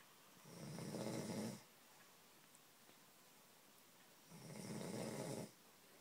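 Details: Pappu, a sleeping dog, snores with two rough, rattling inward breaths about four seconds apart in a quiet room.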